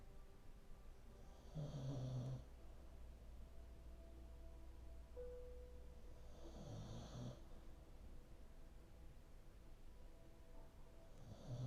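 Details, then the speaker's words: Senior dog, turning 14, sleeping on a mat in the room during a yin yoga class, snores with long breaths: snoring. "He has a little mat set up in this room that you can't see on camera, but some of you might be hearing him snoring. So if you're hearing his snoring, hear the length of that."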